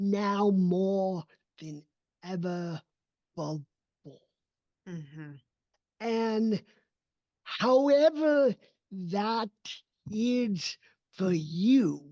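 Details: Adult male with cerebral palsy, a neurodevelopmental disability affecting his motor development and movement; real, not acted; dysarthria (cerebral palsy).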